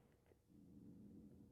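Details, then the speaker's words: Hungry adult's stomach growling, heard while they talk during a repair: a low, gurgling rumble that swells and holds for about a second. "oh my stomach's growing you hear that yes I'm hungry"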